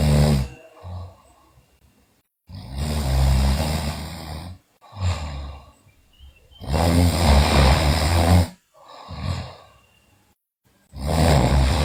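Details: Sleeping girl snoring loudly: rough, low-pitched snores with each breath, about 14 a minute, separated by quiet pauses; snoring.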